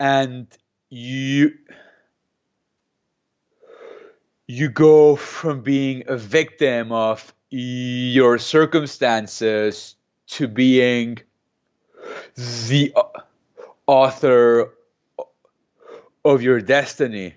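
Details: Stuttering in an adult man who has stuttered since age 2–3, speaking in a real interview; he uses a McGuire programme breathing technique to control his stutter.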